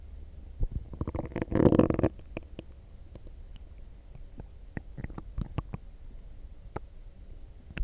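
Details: Loud stomach growling after drinking coffee: a loud gurgling rumble followed by many quick popping and bubbling gut sounds; normal borborygmi.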